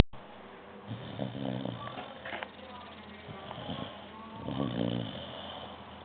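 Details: A female dog snoring: two low, rattling snores over steady room hum, each drawn in with a buzzing, fluttering tone; snoring.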